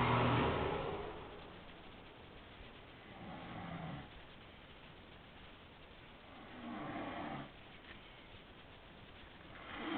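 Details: A man known to snore loudly, recorded while asleep: three rough, rattling snores spaced about three to four seconds apart, with quiet pauses between, in a muffled recording; loud snoring.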